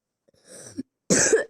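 A short throat-clearing sound, a pause, then one harsh, forceful cough.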